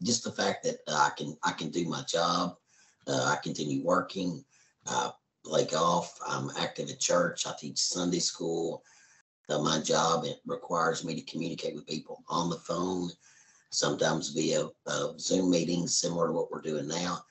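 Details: Adult man after total laryngectomy on April 2, 2013, removing larynx and vocal cords, speaking hands-free with an indwelling voice prosthesis changed twice a year; tracheoesophageal speech.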